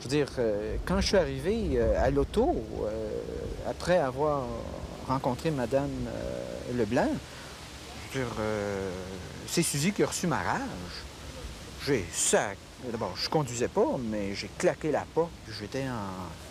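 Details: French-speaking man with aphasia after a cerebral hemorrhage, speaking during rehabilitation; he later walked, spoke, read and wrote again.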